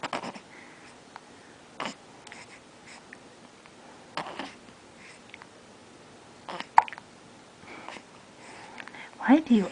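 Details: A baby's hiccups, recorded Nov 10, 2007. Soft, abrupt catching sounds recur every couple of seconds in a quiet room, with brief voice sounds between.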